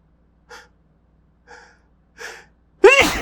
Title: More successful induced sneezes